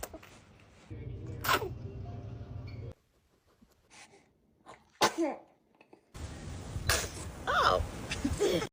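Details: Baby sneezing: two sharp, sudden sneeze bursts, each followed by a short breath, with room noise between them.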